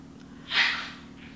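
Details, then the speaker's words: Male dog that catches kennel cough about twice a year after daycare gives one brief, harsh, airy hack, the dry cough of kennel cough. "twice a year when he goes to daycare he gets kennel cough and the vet was like keep taking him"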